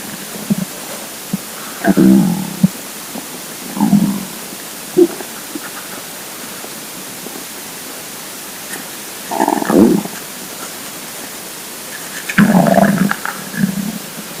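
Intermittent gurgling rumbles over steady hiss; ordinary stomach rumbling from an empty stomach.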